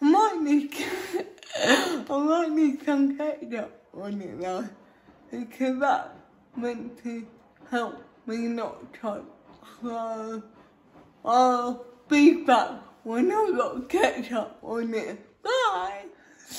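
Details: Female speaker with cerebral palsy, talking while feeding herself with a Neater Eater eating aid; dysarthria (cerebral palsy), inferred from her condition rather than stated.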